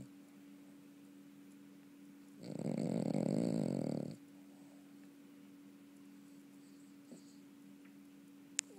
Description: Honey snoring lol